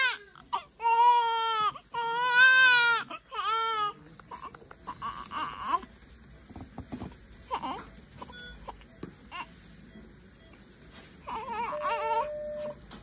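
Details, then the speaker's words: Newborn baby after birth, said to be hungry, hand held up: strong, high cries in several bursts fading to whimpers amid room noise and distant voices; vigorous normal newborn cry. "देखो baby को कितने भूख लगी है खुद ही अपने hand को ना वो हैप्पी टाइम पर ऊपर ही रखती है।"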